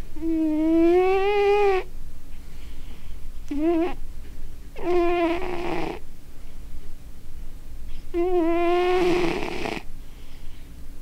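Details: A cat snoring: long, tonal, whistling breath sounds about every three seconds, with a nasal, buzzy quality.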